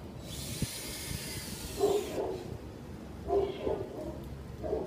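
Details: 4-month-old dachshund/miniature pinscher mix puppy at a shelter with kennel cough, giving short, hoarse, honking cough bursts over a hissing background.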